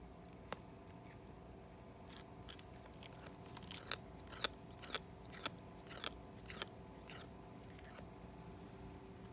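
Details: A cat grinding its teeth (bruxism): sharp, irregular clicks and gritty crunches over a steady room hum.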